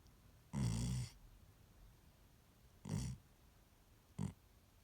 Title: #sleepy #snoring